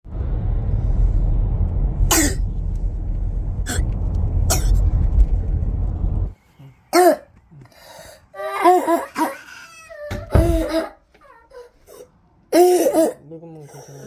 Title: 크룹 진단받은 기침소리 비교ㅣ이런 기침소리를 들었다면 찬 공기부터 마시게 하고 호흡곤란시 응급실로 가세요ㅣCroup Diagnosis and Cough Sound